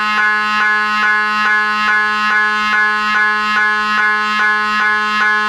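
Loud steady buzzing tone pulsing rhythmically about 143 times a minute, the typical droning, knocking sound of an MRI scanner during imaging.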